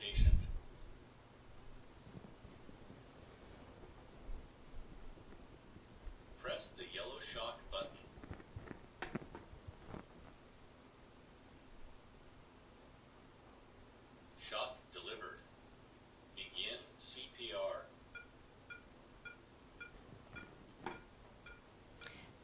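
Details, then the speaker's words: Simulated AED use on a LifeSaver AED trainer that delivers no real shock: recorded voice prompts after pads are inserted, then steady metronome beeps pacing CPR chest compressions in a quiet room. "after you insert the pads follow the voice prompts from the chosen scenario wait for the voice to prompt you to press the shock button"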